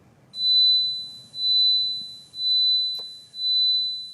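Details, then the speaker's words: Simulated tinnitus: a high, thin pure tone pulsing about once a second, mimicking the constant ringing or whistling heard only by the sufferer, played to convey what tinnitus is like. "Imaginez maintenant qu'un son similaire résonne dans vos oreilles constamment, 24 heures sur 24, et qu'aucune autre personne ne puisse l'entendre."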